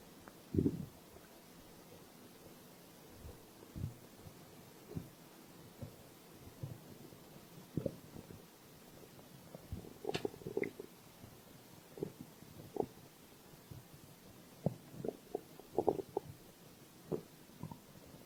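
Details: Stomach growl: soft irregular gurgles and squeaks over a quiet hiss.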